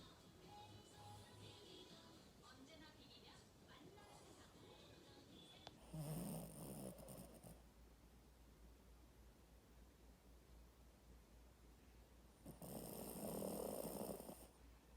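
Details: Sleeping puppy lying on a pillow under a blanket: two long, low, rough breaths over soft music and faint voices; snoring.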